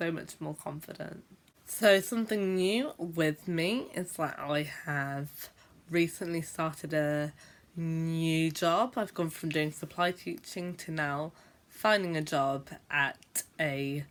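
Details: Stammering (stuttering) in an adult woman who is a teacher and describes herself as a stammerer who sometimes blocks for a long time when speaking.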